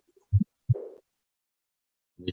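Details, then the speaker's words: Aortic regurgitation murmur played in a veterinary heart auscultation class: blood leaks back from the aorta into the left ventricle through a valve that fails to close, giving an abnormal murmur beyond the normal lub-dub. "Jadi ada kegagalan untuk menutup dengan sempurna darah yang sudah keluar dari jantung melalui aorta tadi itu kembali lagi ke ventricle kiri."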